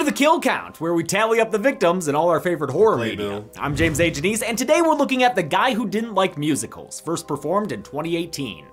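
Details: Adult male narrator; normal speech.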